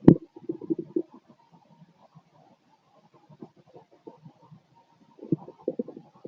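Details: Abdominal auscultation with a stethoscope: low gurgling and rumbling bursts of ordinary stomach growling, a normal bowel sound.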